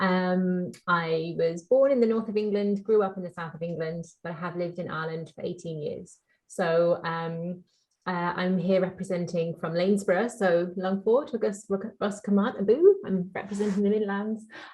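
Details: Adult woman speaking; normal fluent speech.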